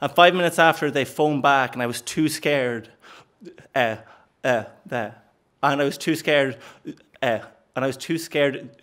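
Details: Stuttering (stammer) in an adult man since age four, which he describes as repeating the first sound of words; phrase repetitions.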